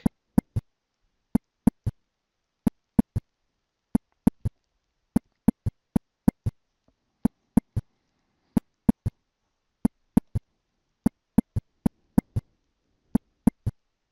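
Simulated heart sounds in a slow lub-dub-da triple rhythm: an S3 gallop, abnormal extra filling sound.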